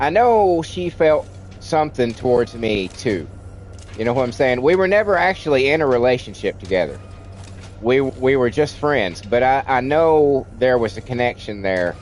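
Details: Adult man with a childhood speech impediment, treated with speech classes in kindergarten and first grade, who says it is milder now but audible when he talks a lot: stuttering.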